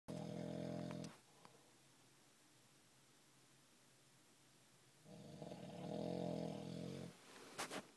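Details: Two long, rumbling snores several seconds apart with quiet breathing between, about eight to ten breaths a minute; ordinary snoring.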